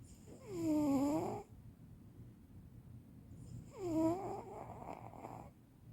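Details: Senior cat sleeping: two soft, whistling, wheezy snores about three seconds apart over quiet room noise; snoring.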